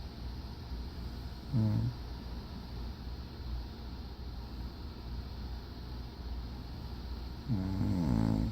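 Two brief, low, rumbling snores several seconds apart over steady background noise: snoring during sleep.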